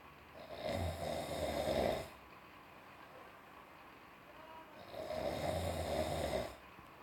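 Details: Cat and father snoring together: two long, low, rattling snores a few seconds apart, each over a second, with quiet room noise between; ordinary snoring.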